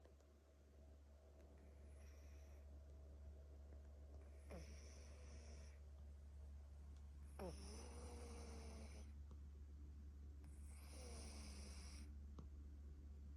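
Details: Fat, Himalayan/Persian-type pet cat at maximum snoring: soft, whistling snores with squeaky nasal tones, about four breaths over 13 seconds, over a steady low hum; snoring.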